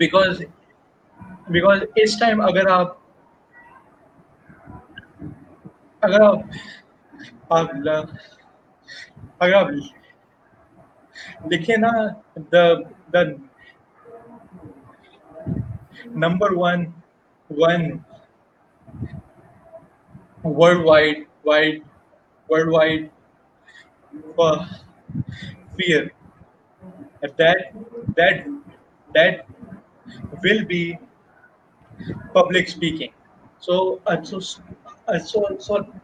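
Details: Stuttering in an adult man who has stammered since age 6, a Toastmasters member, with word and part-phrase repetitions.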